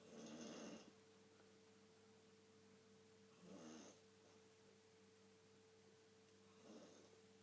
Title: Dad Snoring